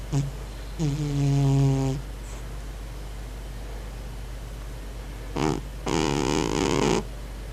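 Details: Cat snoring, owner wonders if it is dreaming: loud vibrating snores, two drawn-out breaths each preceded by a brief snort, over steady background hum.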